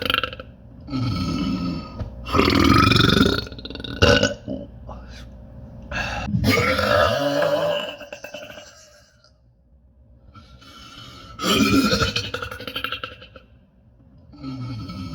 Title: Day 34 Burping Daily😃 #burping #funny #trending #fypage #viralvideos #viralreels